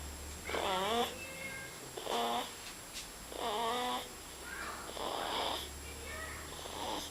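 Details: 2-month-old baby girl snoring: repeated noisy, rattly breathing sounds about 40 times a minute over a steady room hum.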